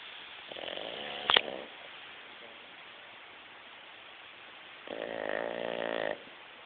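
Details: Dog snoring while asleep: two soft, buzzing, tonal snores several seconds apart over a steady background hiss.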